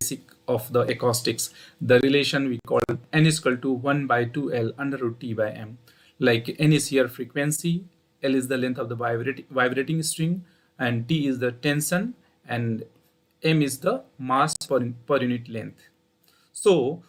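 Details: Adult male speaker; normal speech.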